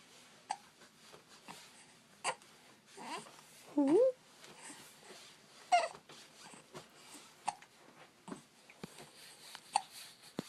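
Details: Happy baby boy with hiccups: short, sharp hiccup sounds at irregular intervals, mixed with soft babbling and coos while wiggling and smiling.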